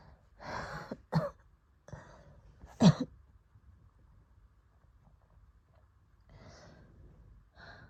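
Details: Adult coughing during an asthma attack after COVID: several harsh, forceful coughs followed by heavy breaths.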